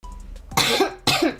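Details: Two short, harsh coughs in quick succession from an adult woman on IV fluids and told not to talk for days, each a sudden noisy burst that fades: cough.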